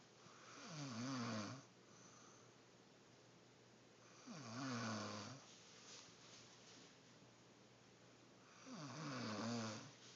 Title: snoring